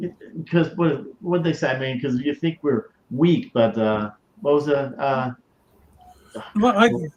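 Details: Aphasia in a male stroke survivor; he reports it has greatly improved over the years since he began hosting his show, though he still mumbles and forgets things.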